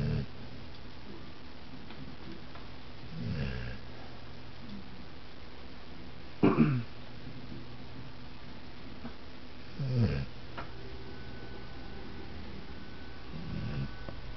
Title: Buster Snoring